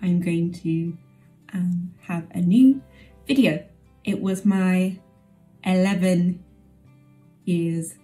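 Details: Adult woman with aphasia 11 years after a stroke; aphasia.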